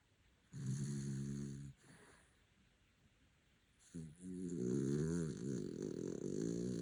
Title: 😂 the look at the end, I’ve been rumbled! - funny, snoring pup